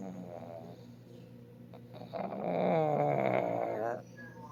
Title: Ayka snoring